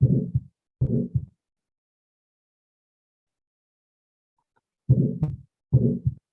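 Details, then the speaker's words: Aortic stenosis heart sound recording, stiffened aortic valve cusps, played in an anatomy and physiology lecture: harsh slam-like beats running into a rising then falling crescendo-decrescendo murmur, sounds blurring together. "We have kind of a, yeah, we hear a sort of harsh slam, and we also hear, instead of even beats, we hear kind of like a crescendo and decrescendo. So we have this longer sound where things are kind of blurring together."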